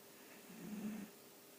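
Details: Soft, brief, low buzzing snore in a quiet room from Molly, a sleeping dachshund (sausage dog).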